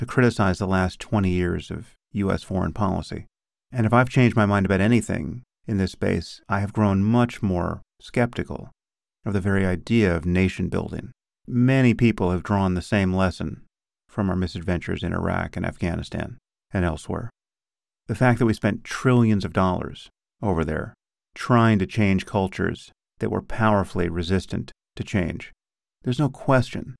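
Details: Adult male speaker; normal speech.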